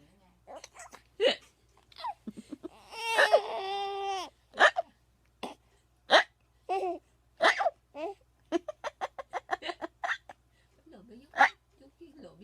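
Repeated short, abrupt hiccup sounds mixed with a baby's laughter and babbling indoors.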